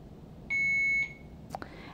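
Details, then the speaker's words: Alaris infusion pump demo setting up a primary 0.9% normal saline infusion: a half-second high electronic beep in a quiet room, then faint clicks; an alert reminding to open the roller clamp. "Okay, then you're going to go ahead and press "START" . [BEEPING] And then it's asking if it's concerned about the rate - if it exceeds the limit, we can go ahead and say "YES"."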